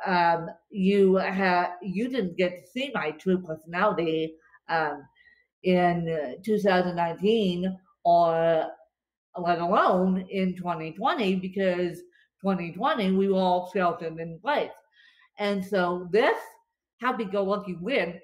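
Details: Adult woman with cerebral palsy affecting limbs and brain, speaking after a bad spasm day and describing her speech as tongue-tied today; dysarthria (cerebral palsy).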